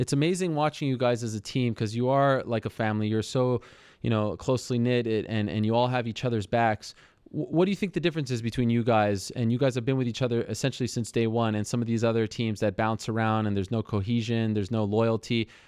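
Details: Adult male speaker; normal voice.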